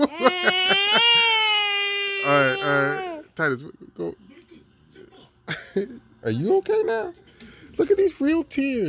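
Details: Infant crying during tummy time: loud sustained wailing with catches and sobbing breaths between, then fussy whimpers, in a small room.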